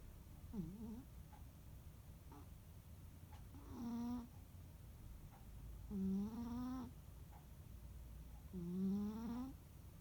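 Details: Sleeping rescue cat on a quiet holiday afternoon: soft, tonal, buzzing snores at uneven intervals over a quiet background; ordinary snoring.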